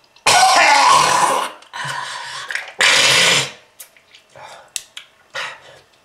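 Long, harsh, rattling coughing bouts with throat clearing, acted as a heavy smoker's cough from lung disease.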